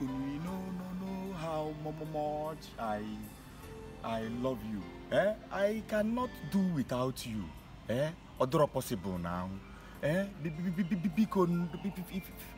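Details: Acted stuttering by a male character in a comedy skit, with word repetitions.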